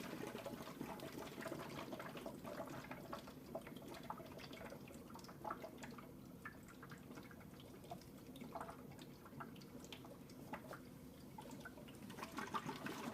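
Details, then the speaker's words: Quiet continuous gentle bubbling from the suction control chamber of a neonatal water-seal chest drain connected to wall suction; gentle rather than vigorous bubbling is the desired suction level. "When you turn the section on, what you want is just a gentle bubble. You don't want vigorous bubbling like that. You want just a gentle um control of suction."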